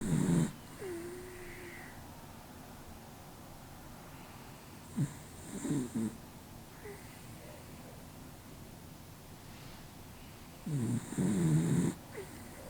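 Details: Snoring during sleep, recorded with a Canon R7 with RF-S 7.8mm dual VR lens and Rode Videomic Go II: soft, irregular snuffling snores with occasional snorts over quiet room noise.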